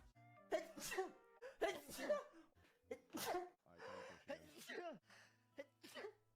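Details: Several short sneezes from a streamer in a sneeze compilation, mixed with brief voiced sounds over background music.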